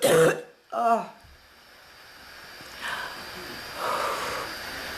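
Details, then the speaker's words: Two harsh coughs in quick succession, then quiet breathing and room noise; an adult woman's persistent cough that is not improving, compared with earlier bronchitis. "I'm still not any better. I've been coughing so much the bird learned to cough."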